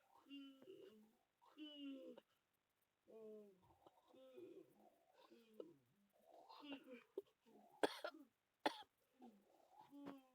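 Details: A person who feels very ill with a bad cough and cold speaks in a quiet, tired voice broken by two sharp coughs near the end.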